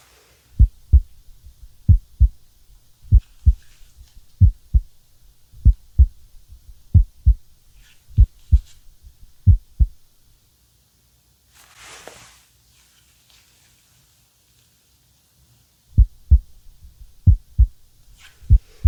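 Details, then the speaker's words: Normal heart sounds through a stethoscope in a relaxed person at 75 beats per minute, oxygen saturation 98%, in an ASMR medical exam roleplay: clear S1 and S2, no murmurs, no S3 or S4. "So I'm not hearing any murmurs. I'm able to hear S1 and S2. Not hearing S3 and S4, which is very good. All normal sounds coming from your heart."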